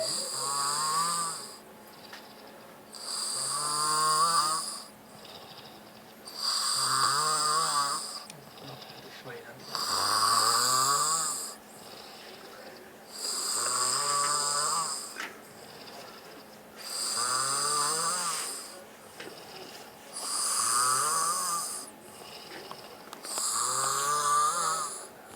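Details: Loud, regular snoring at about 18 breaths a minute from a person who says they were sick; each rough, rattling snore is followed by a quieter pause.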